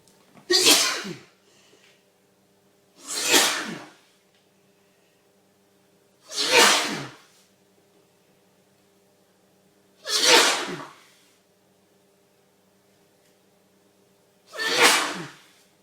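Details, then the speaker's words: Adult male sneezing repeatedly: five forceful, explosive sneezes in a row about three seconds apart, with eyes watering and nose streaming, in a quiet room with a faint steady hum. "This is a sneezing explosion. Not done. My eyes watering, my nose streaming. I'm still sneezing."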